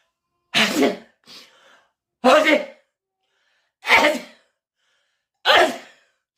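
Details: Repeated sneezing due to a cold: four forceful sneezes in about six seconds, each a sharp noisy burst, with a brief intake of breath after the first.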